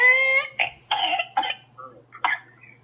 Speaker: pertussis commonly known as whooping cough is caused by bordetella pertussis the pertussis bacteria enter the lungs and cause swelling and irritation in the airways